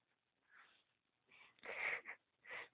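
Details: Baby sneezing after the nose is tickled with a cotton bud.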